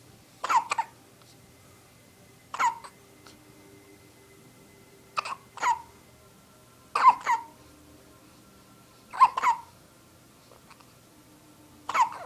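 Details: Two females in a hiccup contest: sharp, abrupt hiccups, often in quick doubles, recurring every couple of seconds, about six bouts over twelve seconds.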